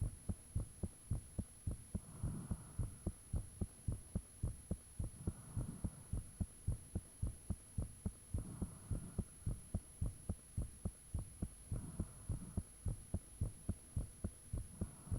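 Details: Self-recorded own heartbeat, fan off, shortly after the heart began feeling really thumpy: strong, regular, forceful low thumps at about 105 per minute, a faint rushing noise at times, and a steady hum behind.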